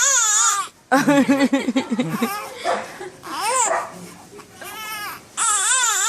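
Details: Infant crying in loud, rhythmic wails and sobbing bursts with brief pauses in a small room, apparently two babies crying together as if competing.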